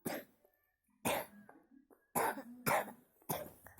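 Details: Five short, forceful single coughs a second or so apart, with quiet gaps between, from a young child learning to spell and read; a repeated dry-sounding cough.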